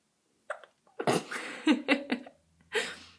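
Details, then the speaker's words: Young baby with morning hiccups, quieter than earlier: several short, abrupt voiced catches with quick breathy sounds between them. "and he is having the hiccups this morning so I thought I'd take a video of it"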